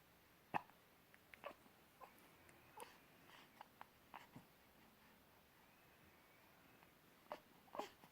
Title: Baby Hiccups